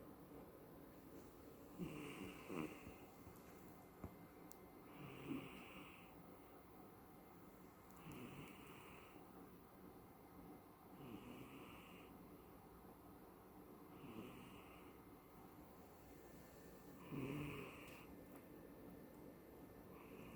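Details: Female cat, about 17 at recording, dreaming, snoring and twitching in sleep: soft, regular snoring with occasional snorts, about 20 breaths a minute, over low room noise.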